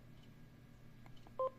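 A single short electronic beep from a vascular Doppler keypress, over low room hum.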